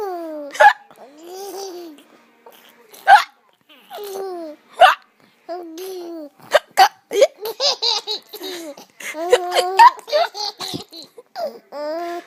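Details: Person's hiccups: several sharp, abrupt voiced catches, each answered by a baby's bursts of laughter.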